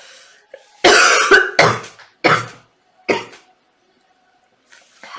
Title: girl sick and cough compilation 🤩